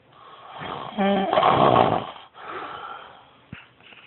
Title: The dying goat snore (4am)